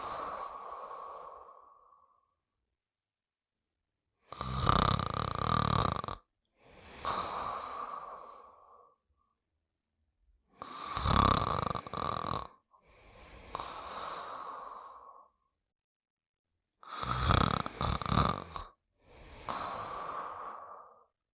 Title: The New World of Fafa and Friends (1988-1992): Buddy Sleeping and Snoring in 1 Minute and 4 Seconds